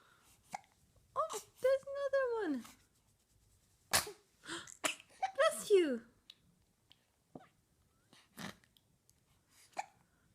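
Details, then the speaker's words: Infant girl with hiccups: brief sharp catches, about five or six in ten seconds, between short fussy whimpers and wails: hiccups. "oh I know they're horrible oh no no hiccups those are rotten okay we're GNA get rid of those hiccups yeah"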